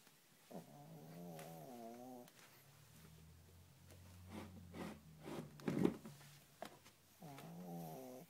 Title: my dog snoring